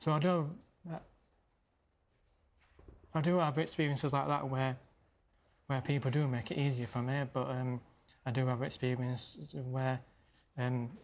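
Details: Stammering in an adult man who stammers, speaking live on television; he reports struggling hardest on first words.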